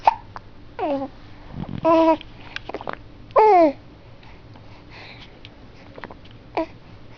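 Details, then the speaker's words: Infant cooing and grunting, broken by short, abrupt, jerky catches in the breath. Infant hiccups. "You have the hiccups?"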